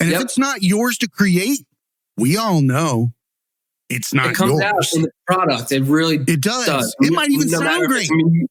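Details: Adult male speaker; typical speech.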